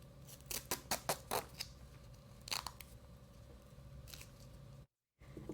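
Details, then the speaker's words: Venipuncture demonstration: quick snipping and tearing of medical tape being cut to secure the puncture site once bleeding has stopped, after needle safety device clicked, in a quiet room. "once we've decided the bleeding stops it's a good idea to go ahead and tape this down"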